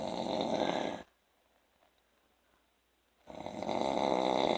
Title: [Deleted Snoring Vids No.4] Snoring after work